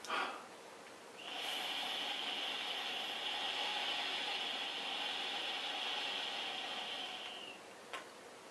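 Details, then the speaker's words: Demonstration of an incentive spirometer (breathing trainer): exhale to room air, seal the mouthpiece, then inhale slowly and as long as possible to raise the ball; a steady airy whistling hiss for about six seconds. "ich ma das gan ganze mal vor man atmet gegen Raumluft aus nimmt das Mundstück in den Mund so dass es luftdicht ist und atme dann möglichst lange ein dass die Kugel auf den lachenden Smiley"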